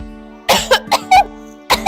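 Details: Cough presented as an example of a dangerous cough: a run of four harsh, forceful coughs followed by one more, over background music; harsh cough warranting medical review.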